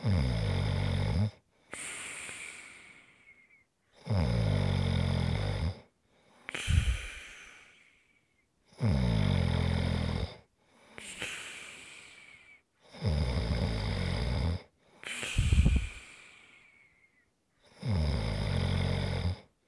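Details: Loud buzzing snore on each in-breath, then a softer whistling puff out, about 14 breaths a minute; steady, regular snoring recorded as ASMR relaxation sounds.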